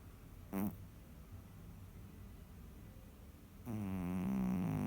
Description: Our empress cat was sleeping and snoring! Such a lady! lol